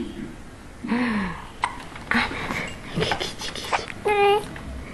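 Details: Young girl laughing and babbling while being tickled, broken by short, sharp, abrupt catches in the voice from hiccups; room noise in background.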